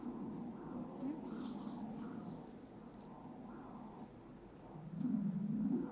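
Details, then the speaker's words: Rhythmic whooshing pulses of the left uterine artery on pregnancy Doppler ultrasound, found by tilting the probe backward; a normal uterine artery flow signal. "এই যে ঠিক আছে এটা হচ্ছে left ইউটরাইন ঠিক আছে pregnancy ডপলারে আমরা এই জিনিসগুলোই দেখবো।"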